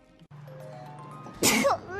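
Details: Single sneeze from a streamer during a live stream; sneeze.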